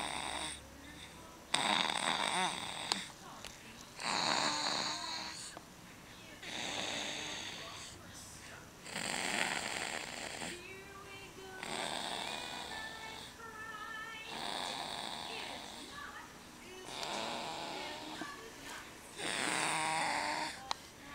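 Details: Snoring: repeated hissing, whistling snores at about 8 breaths a minute, with a squeaky whistle on some breaths.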